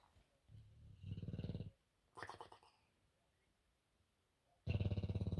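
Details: Sleeping bulldog: loud, fluttering, rattly snores in irregular bursts with quiet gaps between breaths; snoring.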